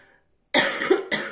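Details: After a brief silence, an adult who is still somewhat ill gives two abrupt, harsh coughs in close succession, the first longer than the second.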